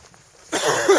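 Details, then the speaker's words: An adult outdoors in cold, snowy Rocky Mountain conditions, where the air is dry, gives a single abrupt, harsh, non-rattling dry cough after a quiet stretch and mentions still having a dry cough. "man I still got that dry cough well it's dry up here today"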